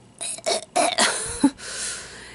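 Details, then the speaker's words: Adult woman with a diagnosed chest infection, on antibiotics, after heavy cigarette-smoke exposure, gives a short run of three or four harsh, loose productive coughs with some throat clearing. "my chest infection has been breaking up been coughing and coughing but it's it's been productive"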